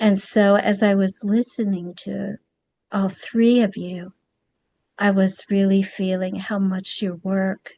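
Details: Adult woman speaking; ordinary speech.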